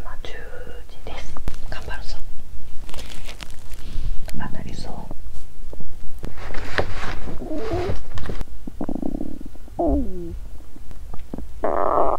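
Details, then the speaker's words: Loud low gurgles and rumbles with squeaky, cooing tones from an adult woman's empty stomach after over 17 hours' fasting; period due and stomach bloated, with unusual popping noted: hunger borborygmi. ""Today is the day my period is due, so I'm hearing an unusual popping sound." "But I think the sound of hunger will growl more"."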